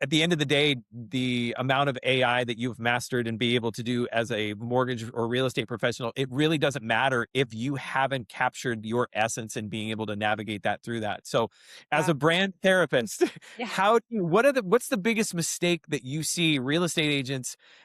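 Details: Adult male speaker; typical speech.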